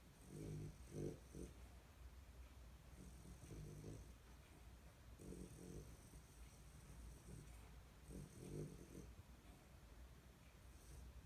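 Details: Snoring in a sleeping dog, owner wonders if dreaming: soft, rhythmic snuffling snores in fluttering bursts every few seconds over low room hum.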